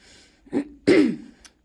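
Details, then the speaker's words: Adult with chronic lung problems, a tumour, past COVID and breathlessness when walking and talking: a brief soft throat-clear, then a louder harsh voiced throat-clearing cough trailing off, in a quiet small room. "I cough a lot I struggle to breathe"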